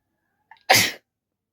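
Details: A soft catch of breath, then one forceful, explosive sneeze, deliberately induced by a woman using a folded piece of paper during a sneezing challenge: sneeze.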